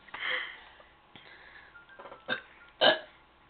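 Several throaty burps, the last one loudest, with quieter gulping sounds between them. Ordinary belching.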